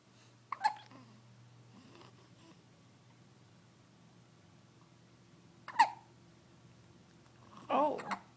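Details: Hiccups in a 10-day-old baby who gets them every day: short, abrupt catches of breath, three in about eight seconds, with soft vocal sounds.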